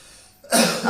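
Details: A cough performed at an audition for a cough syrup advertisement that mentions pollution and infection.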